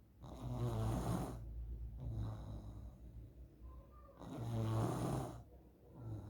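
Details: Child snoring in sleep, shared as a possible sign of nasal polyps: loud rattling snores on two breaths in about six seconds.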